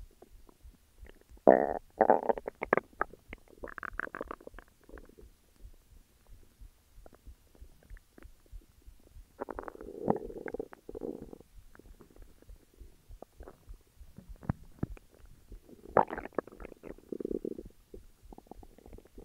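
Irregular gurgling and rumbling bursts of stomach growling, ordinary bowel sounds from gas and fluid moving through the gut.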